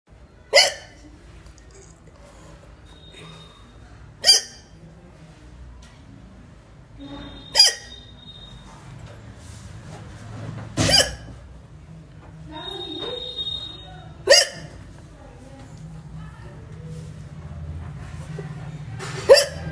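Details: Woman (Indian) with six sharp, sudden hiccups a few seconds apart, about 18 a minute, with quiet breathing and faint room noise between; hiccups.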